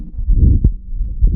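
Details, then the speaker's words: Pediatric heart auscultation: a child's heart sounds with an abnormal, sharp first heart sound caused by an early systolic ejection click. "primer tono tiene algo raro, ¿no? Y lo que tiene es un clic de dirección."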